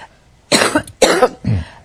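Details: Three quick, harsh coughs in a row from an adult woman during a live interview, in a fairly quiet room.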